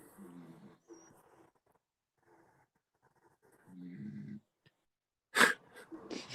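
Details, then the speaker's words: Sleeping dog snoring: low, buzzing snores with short pauses between them, still snoring after being moved out of the way; an ordinary harmless snore. "There's some snoring going on. Doggy dog. Hear it. Oi, stop snoring. I just moved him out of the way because he was snoring, and he's still snoring."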